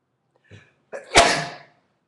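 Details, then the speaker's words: Person sneezing, deliberately induced by tickling inside the nose with a bent paperclip, five sneezes in about a minute and a half: a short in-breath, a gasp, then one loud explosive sneeze trailing off. "okay I'm go for five I fa okay oh God that was five sneezes in about in minutes and a half so I try to get better"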